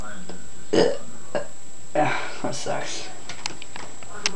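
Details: Casual burping after drinking a beverage while trying to pop knuckles: a few short belch-like bursts among brief talk over steady room noise.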